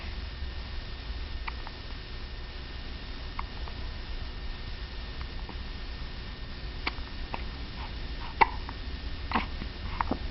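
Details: Several short, sharp hiccups over quiet room noise, more frequent in the second half; a hiccup episode, the third of the day.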